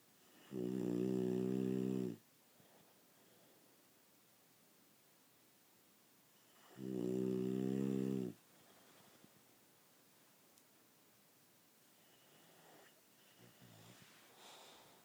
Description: Honey Ham snoring during one of her naps.